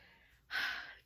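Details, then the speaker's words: Pet pugs sleeping in the background: a single short, noisy, snort-like breath after faint room noise, heard while the owner talks: snoring. "I don't know if you can hear in the background my pugs are snoring"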